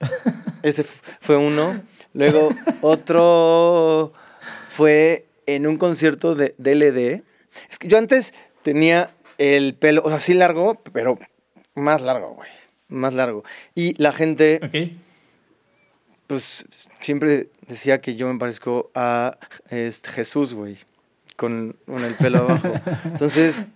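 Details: Adult male Mexican singer with stuttering present since early childhood; he cannot recall speaking without getting stuck and reports not stuttering when singing.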